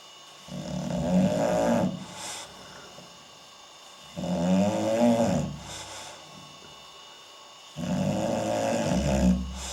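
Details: English Bulldog asleep, filmed at night with night vision, belly rising and falling: loud, rough rattling snores of about two seconds each, roughly every four seconds, with softer sounds between; heavy dog snoring.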